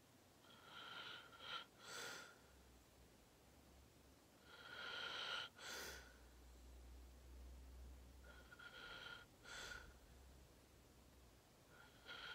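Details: Sleep ASMR recording of a long nap: rhythmic sleep breathing at about 16 breaths a minute with loud whistling, rattly snores and sharp snorting bursts; snoring.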